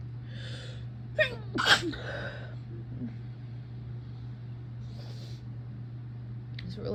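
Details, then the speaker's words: Deliberately induced sneezes: a sharp, explosive sneeze, then a softer stifled one, over the steady hum of a fan. "so I'm just going to be inducing some sneezes for a while"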